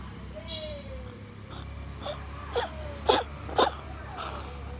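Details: Cat coughing, owner wonders if it is an asthma attack: a run of about five short, harsh hacking coughs roughly twice a second.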